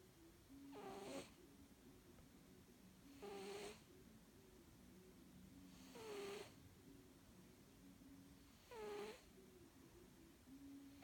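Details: A sleeping cat named in the clip snores in a steady rhythm, about 22 breaths a minute, with louder raspy bursts on each breath and a soft hum between them.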